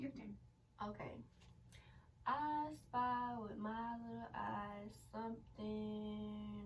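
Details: Adult female speaker; normal speech.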